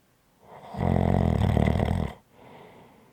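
Loud, coarse, fluttering snore on one in-breath, followed by a softer breath out.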